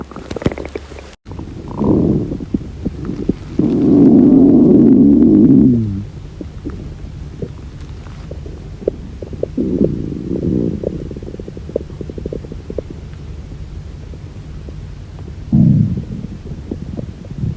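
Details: Hunger-related stomach growling (borborygmi) from a girl: loud, low, drawn-out gurgling growls with shorter rumbles between them; a normal bowel sound.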